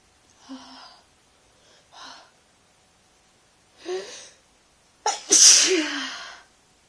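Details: A few soft breathy catches building up, then a loud explosive deliberately induced sneeze from someone with a lingering mild cold, feeling sneezy with a slightly sore throat.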